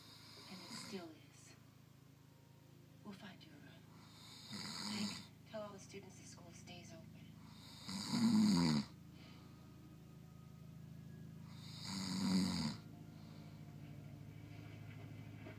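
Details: An adult man (a husband) snores in bed, with loud rattling snores on inhaling about every four seconds and quieter breathing between: typical snoring.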